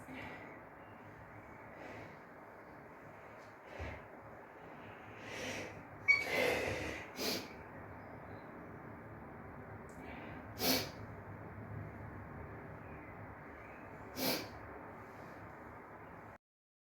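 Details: Female sneezing fit in a bathroom: a run of sharp, explosive sneezes with brief inhalations in a quiet, echoey room.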